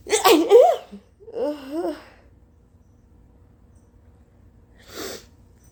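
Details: Early-morning sneezing attack in an exhausted person with a very snotty nose: two loud, forceful sneezes in quick succession, then after a pause a short nasal blow or sniff.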